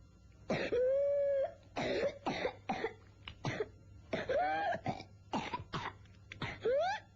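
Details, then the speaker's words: Child with whooping cough (pertussis): a rapid paroxysmal run of spasmodic coughs broken by high, crowing, noisy inspiratory whoops, an exhausting fit that often ends in vomiting. "se traduisent par une succession de secous spmodique de tout et aboutit souvent à un vomissement ou une reprise inspiratoire bruillante semblable au champ du CO c'est épuisant"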